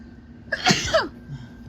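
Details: Adult deliberately inducing sneezes: a single sharp sneeze with a brief intake of breath before it, over faint room noise.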